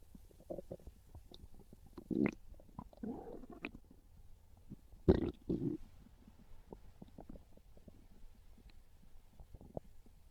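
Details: Scattered gurgles, squeaks and rumbling bursts from the belly; ordinary hunger stomach growling (borborygmi), described as craving pizza.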